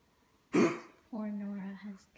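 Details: Dog (Nora) with kennel cough, started on antibiotics and resting: one harsh, dry hacking cough followed by a drawn-out honking, voiced sound, typical of kennel cough.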